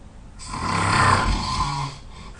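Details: Loud snoring in a very tired sleeper: one loud, rough, rattling snore on a breath in, lasting about a second and a half.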